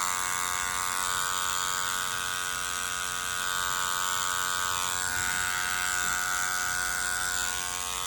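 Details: Steady high electric buzz of a microneedling device on numbed facial skin during microneedling with PRP (vampire facial); the patient has had the treatment before and says it is not painful.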